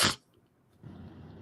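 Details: A single sneeze from an adult man during a live chat, who later says he is sick with a raspy voice.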